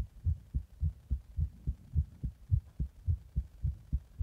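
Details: Rapid, regular, strong heartbeat at about 107 beats per minute, recorded after drinking a Monster energy drink in the bath and then applying pressure (compression); fast heartbeat.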